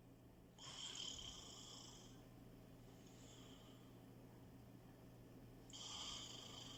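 A sleeping puppy gives soft, high whistling snores on slow breaths, with a faint one between, over a low steady hum.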